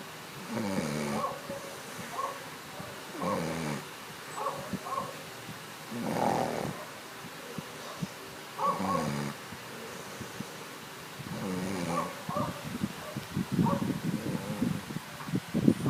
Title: My babe sleeping while snoring :)))) ILOVEYOU :)